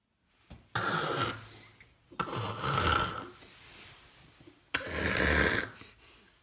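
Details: Male grey seal with lungworm infection and blood at the mouth: three harsh, wet, spluttering productive coughs.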